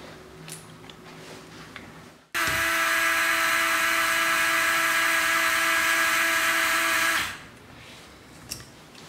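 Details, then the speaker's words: Steady high-pitched whine of a surgical drill for about five seconds placing pins to stop the cutting guide rotating on a left humerus at 30 degrees version, reverse shoulder arthroplasty instrumentation workshop; surgical drill running. "tenemos ya la guía y vamos a colocar unos pines que permitan que esto no pueda rotar"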